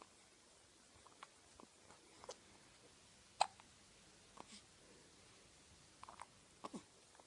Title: Cute baby with hiccup